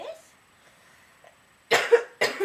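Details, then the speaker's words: Simulated demonstration by nursing students of proper cough covering: an adult gives two short coughs, muffled by coughing into the crook of the elbow. "so if you feel like you have to cough what you're supposed to do is you're supposed to put your mouth right into into your elbow and you cough just like this like this"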